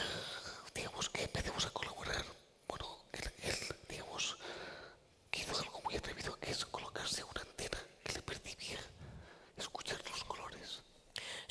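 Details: Whispered voice without voice tone in a man with the neurological disease dystonia, which in his case affects control of neck movements and can affect other parts of the body; whispered voice due to dystonia.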